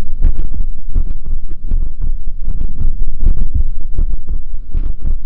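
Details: Deep, muffled low thumps repeating steadily over a soft hum, about 81 beats a minute as counted live; a heartbeat recorded up close for ASMR.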